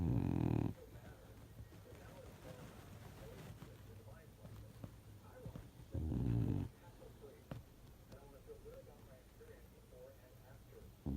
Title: Finn snores 2018